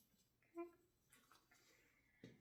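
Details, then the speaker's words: Tracheostomy suctioning demonstration: brief squeak, then a thin whistling hiss and a soft slurp as the connected, lubricated catheter is checked with suction before insertion; suction catheter aspiration check. "Going to grab suction. Connect the catheter. We're going to lubricate. Suction. Suction."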